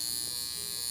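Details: Steady high-pitched electrical buzz like a bug zapper from a portable high-frequency skincare wand at full setting, passed over facial skin for fine lines, pores and acne.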